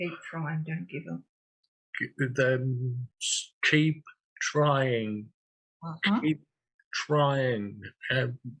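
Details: 67-year-old man with aphasia after two large strokes, 18.5 and 6 years earlier, needing time to get words out and using a communication board; aphasia.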